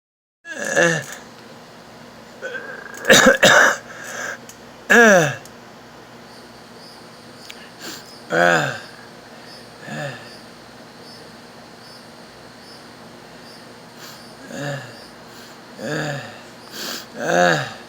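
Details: Stridor: harsh, high-pitched noisy breaths recurring through the clip, a sign of a narrowed upper airway; patient then says they can't breathe.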